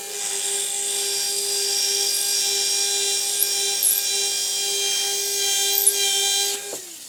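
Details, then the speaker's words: Steady high-pitched whine of a 1.6 mm implant drill with an 8 mm drill stop, running continuously then stopping, completing the osteotomy for 20-degree angled 2.4 mm SATURNO implants in an upper maxillary arch demonstration. "so we'll pull out our 8 mm drill stop snapping it onto place and completing our osteotomy of our angled"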